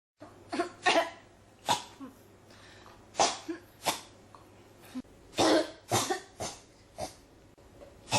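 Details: About a dozen short, dry coughs in quick succession with brief pauses: a persistent, unstoppable coughing bout.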